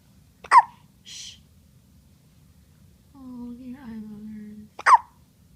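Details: Two sharp, loud hiccups about four seconds apart from a sleeping baby girl, with a brief infant coo between them, in a quiet room; infant hiccups.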